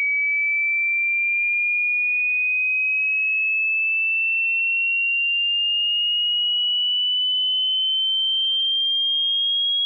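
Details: Frequency sweep test tone for tinnitus pitch matching: a pure tone rising steadily from a low rumble at 20 Hz toward 20,000 Hz, meant for headphone listening at moderate volume to identify one's tinnitus frequency.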